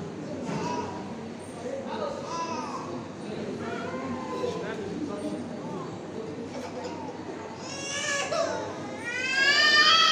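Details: A one-year-old girl cries loudly after her immunization in a busy teaching-hospital room with other voices, the cry building toward the end.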